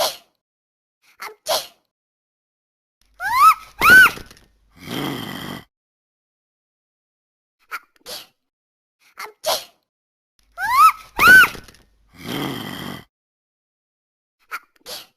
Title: Corona sneeze virus